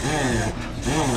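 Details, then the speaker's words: Dog reverse sneeze: two loud, rough honking snorts with a brief pause, as the dog rapidly inhales through its nose; snorting or gagging-like sound. "Dogs sometimes make strange honking sounds, called reverse sneezes. The dog rapidly attempts to inhale through their nose, which causes them to backward sneeze."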